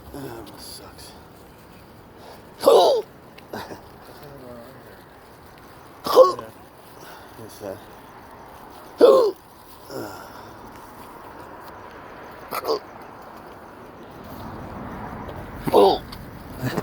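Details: Persistent intractable hiccups since December 2015, with breathing and choking spasms, cause undiagnosed, recorded September 2018: sharp, brief gulping hiccups about every three seconds (about 20 per minute), roughly six in all.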